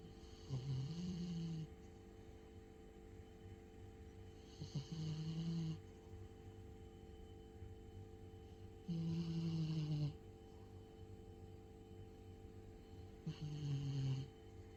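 Four loud, rumbling snores in about 15 seconds, roughly 14 a minute, over steady room hum; ordinary snoring in a sleeping cat.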